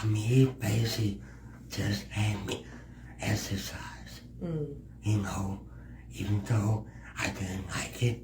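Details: Speech impediment in a male adult podcast guest who works in disability awareness.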